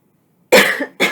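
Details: A single harsh cough from an adult who says they are losing their voice, followed by the start of a second cough.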